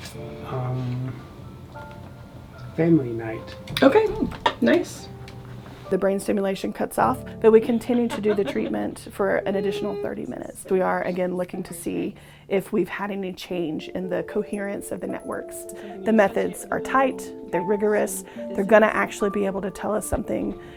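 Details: Adult speaker, with brief other voices and background music; normal speech.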